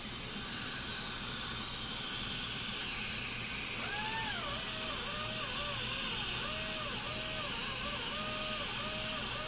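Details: Dental high-volume evacuation (HVE) suction running through an M7 suction mirror, shown as a demonstration: continuous loud airy hiss of suction with background music over it.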